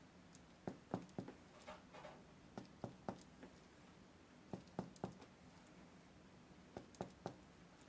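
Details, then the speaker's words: Pulmonary exam demonstration: finger percussion on the back and lateral chest, paired and triple taps sounding hollow and alike on both sides, a normal resonant percussion note over the lungs. "percussion of the lungs creates a different note on the lungs uh the normal note is a result note"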